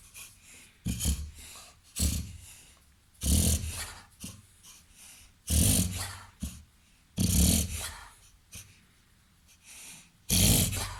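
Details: Reverse sneezing in a 21-month-old, 30 kg Labrador–golden retriever–Weimaraner cross: repeated loud, harsh snorting inhalations with quieter noisy breaths in between.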